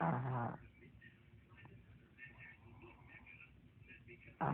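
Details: Sleeping dog with loud, low rumbling snores at the start and end, quieter breathing between, and faint background voices; snoring.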